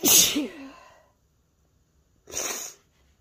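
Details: Two sneezes: a loud voiced burst with a falling tone, then a short hissing second sneeze after a pause.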